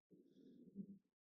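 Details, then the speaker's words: Adult's stomach growling heard during casual talk: a soft, low, rumbling gurgle of about one second, then quiet; ordinary borborygmi. "Oops. Let's hope you didn't hear my stomach making that noise."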